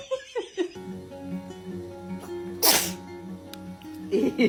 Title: Baby sneezes #funny #babypictures #babyfever #baby #cutestbaby #fyp#cute